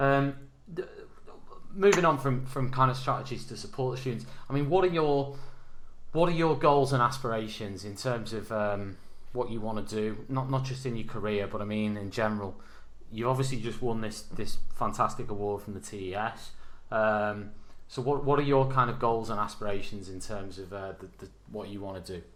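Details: Adult male speaker; normal speech.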